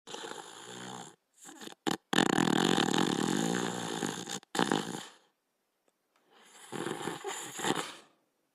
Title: Rusto, the Little Fox (1989-1992): Border Collie Sleeping and Snoring in 38 seconds